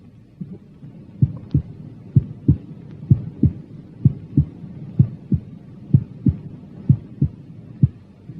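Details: Normal heart sounds heard at the apex: regular paired sounds at about 64 beats a minute, with a louder first sound.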